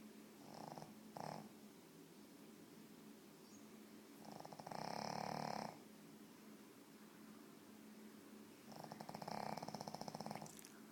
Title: Pug Snoring